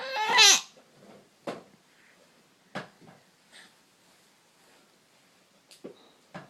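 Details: Hiccups: a brief vocal squeal, then short abrupt catches roughly every 1–1.5 seconds.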